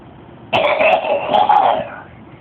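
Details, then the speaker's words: Harsh, rapid run of several linked coughs over about 1.5 seconds from a person with 55 years of smoking; chronic smoker's cough. "probably the craziest cough I've ever heard really yeah funny 55 years of smoke give you cough too"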